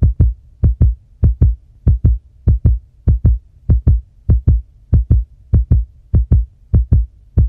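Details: Steady, regular lub-dub heartbeat at about 96 beats a minute with clear paired thumps; normal heartbeat.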